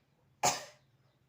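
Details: A single short, sharp cough in a quiet room from a person with an itchy throat and cough, recorded during neck scraping (kerokan) done to relieve it.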